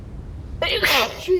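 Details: A wet sneeze during a cold: a single wet, explosive sneeze after a brief quiet build-up, followed by a voiced cry.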